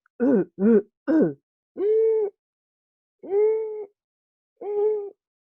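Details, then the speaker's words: Three short harsh barking coughs, then three drawn-out high crowing intakes of breath: croup (laryngitis) with dry, irritative barking cough and inspiratory stridor, presented as a teaching example in a child. "Pero aquí tengo algo que lo hace completamente diferente, que es agregar esta tos perruna, perdón, esta tos perruna o tos grupal, que es tos seca, tos irritativa, y el estridor inspiratorio."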